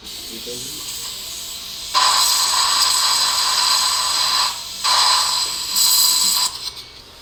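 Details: Loud, steady high-pitched hissing and whining in long bursts, suction, irrigation and drilling, during flapless guided immediate implant placement at tooth #13 after crown-root fracture extraction, with dual zone graft; dental implant surgery instrument sounds.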